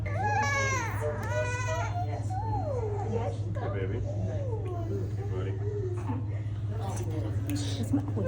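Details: 5-month-old baby boy at his first chiropractic adjustment, crying once, reportedly from fear of a new person rather than pain; rising and falling fussy cry over a low room hum with adult voices nearby.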